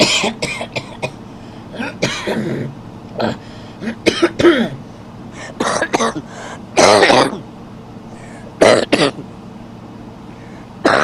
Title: A men coughing during a sleep rush